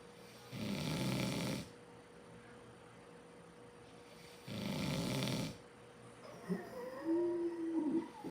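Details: Sleeping coyote brothers snoring: two long, rough, rattling snores about four seconds apart, followed by faint whining noises.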